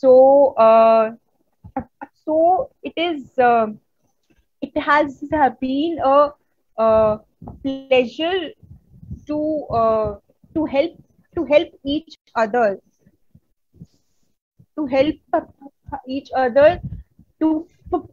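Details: Real stuttering in an adult woman from India who stutters, presenting at a conference on women and stuttering, with audible word repetitions: stuttering.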